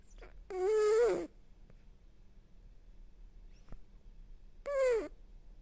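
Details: A cat snoring: two high, squeaky, whistling breath sounds about four seconds apart over quiet room noise; snoring.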